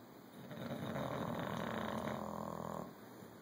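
A single long, rough, rattling snore from a sleeping dog, rising and fading over about two seconds.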